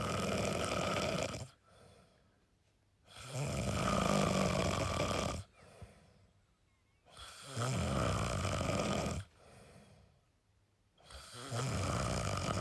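Loud, rough, regular snoring at about 14 breaths a minute. Each long rasping breath is followed by a quieter pause.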